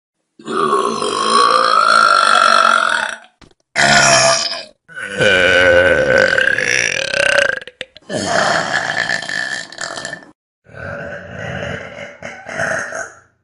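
A series of long, loud, drawn-out belches separated by brief pauses, some lasting several seconds; repeated voluntary burping.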